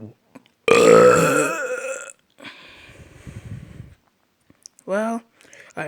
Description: More burps everyone we hope u all enjoy it and ill c u all later.